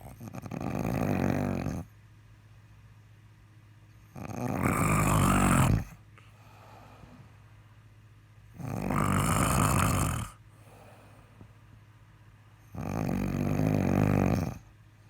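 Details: Person sleeping with loud snoring, described as perhaps manageable with earplugs: four loud, harsh rattling snores about every four seconds with quiet gaps, roughly 14 breaths a minute; heavy snoring.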